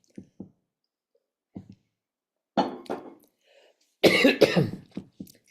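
Soft throat-clearing sounds are followed by two bursts of harsh, forceful coughing in a small quiet room: an ordinary acute cough.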